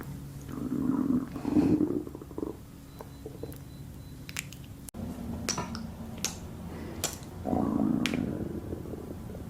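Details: Two low, drawn-out gurgling growls with faint clicks between: stomach growling in a hungry person.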